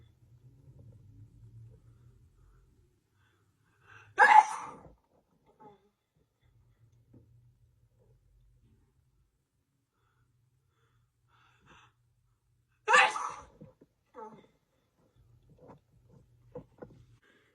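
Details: Woman's sneezing fit on camera lasting 2 minutes 27 seconds: two forceful, sharp sneezes several seconds apart with quiet breathing between; sneezing.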